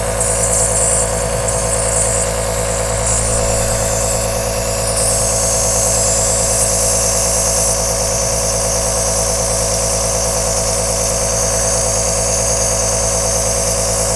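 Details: Continuous steady hum of an aerosol nebulizer compressor running, a long recording used as white noise.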